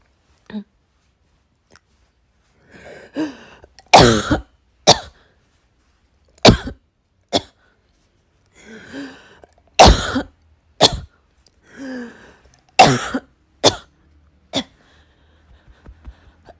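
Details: Coughing fit in a hospital waiting room, tagged as cough-variant asthma, that could not be stopped after trying hard to hold it in: about eight harsh cough bursts in runs with strained breaths between them.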